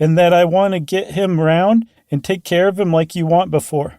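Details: Acted: a host imitates an example sentence of how a person with Wernicke's aphasia, often after stroke, might speak, with fluent speech that makes no sense; Wernicke's aphasia (imitated).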